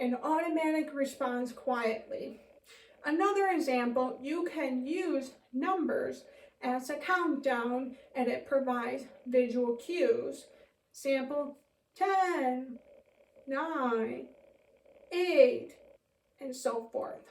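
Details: Adult Deaf teacher, born profoundly deaf (congenital hearing loss, 90-120 dB range), speaking while signing; deaf speech.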